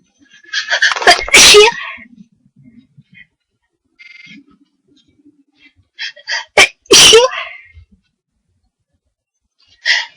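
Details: Person with a nose tickling all day, deliberately inducing sneezes and thinking they have caught a cold: two sharp high-pitched sneezes after short catching buildup breaths, then a quieter partial sneeze.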